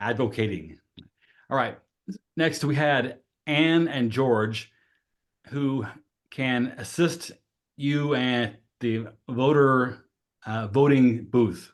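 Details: Adult male with aphasia for 5 years; broken phrasing; aphasia.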